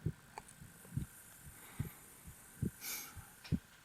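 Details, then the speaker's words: A simulated boyfriend roleplay in which the listener lies with an ear on his chest; soft paired thumps at about 66 beats a minute, a normal adult heartbeat. "t's all for you babe this heartbeats only for you you know if you listen real carefully I think it's trying to tap out your name in Morse code"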